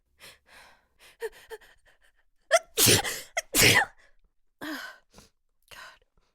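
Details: A female's sneeze buildup: several hitching, voiced in-breaths with breathiness and false starts, then two very strong, forceful explosive sneezes and a few short breaths; sneezing.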